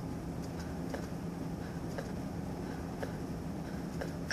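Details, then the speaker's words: Normal S1 heard with stethoscope diaphragm at the heart base in an adult; faint regular heart sounds about 60 a minute, S1 softer than S2 at the base. "S1 is caused by closure of the AV valves it is loudest at the Apex and sounds like this at the base S1 sounds like"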